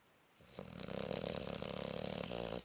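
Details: Sleeping Boxer dog, half covered, snoring: loud, rattling, fluttery snore sustained through one long breath.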